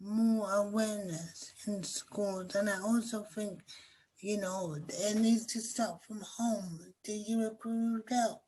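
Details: Young woman with cerebral palsy affecting her speech, walking, balance and motor skills; dysarthria (cerebral palsy).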